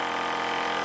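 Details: Precision Medical PM65 EasyGoVac portable AC/DC suction aspirator switched on under AC power: steady, loud motor hum and buzz as the suction pump runs.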